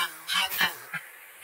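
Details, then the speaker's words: Film simulation (Sound of Metal) of hearing through newly activated bilateral cochlear implants in a formerly deafened drummer with profound deafness in both ears; brief tinny, metallic, garbled speech, not clear to him, during audiologist adjustments; distorted speech. "a common reaction of wow i can hear speech again but it's not clear and he's asking the audiologist to speak again and he's trying to understand about the speech quality it's obvious that it doesn't sound that clear to him"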